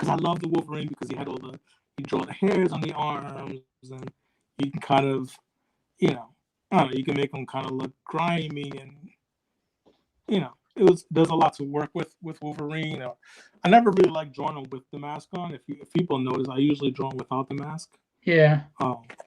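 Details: Adult male speaker; normal speech.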